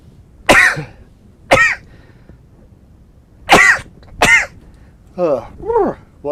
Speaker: me yeah i know it sounds like a cough but it's a sneeze oh there we go i think my allergies are acting up to the spring the pollen's starting to begin